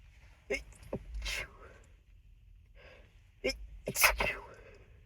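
Two muffled, held-back sneezes, each with a quick breath in before, separated by a quiet pause; stifled sneezing.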